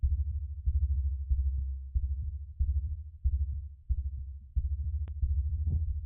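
Strong, steady low heartbeat at about 92 beats a minute, the quickened rate of recovery after exercise.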